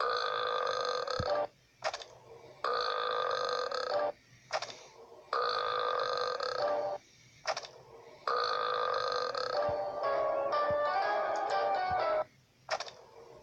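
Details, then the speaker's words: Cartoon with background music: a character gives several long, loud, exaggerated belches and blames the mince pies for his wind. Simulated burping, not real. "sorry Artie these mince pies give me terrible wind I am trying to count the Stars your wind is interrupting me"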